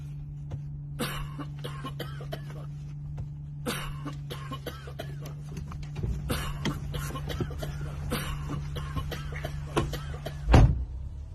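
Several short, sharp cough-like bursts over a steady low hum, acted for a comedy skit.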